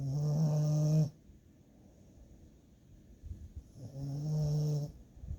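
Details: Dog snoring while napping: two loud, low, buzzing snores on the in-breath, separated by a quiet pause of about three seconds; snoring during sleep.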